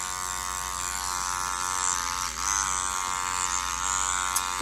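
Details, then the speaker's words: Steady high electric buzz of a microneedling pen during a PRP vampire facial, over the most sensitive area where the skin is thin; needle depth is changed for each area, and treatment extends to the neck. "is our most sensitive spot it definitely a public sitting so thin and we're changing the depth of the needle and every area"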